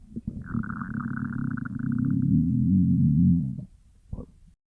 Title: stomach growling(Reupload)